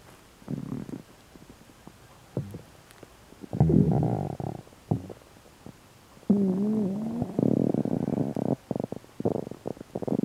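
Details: Stomach sounds attributed to a stomach ulcer: irregular gurgling and low rumbling with squeaky tonal gurgles; active stomach rumbling (borborygmi).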